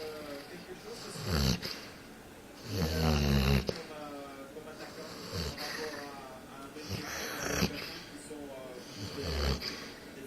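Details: Female Basset Hound sleeping and snoring very loudly: deep, fluttering snores, about four breaths in ten seconds, some louder and rattling, with faint room noise.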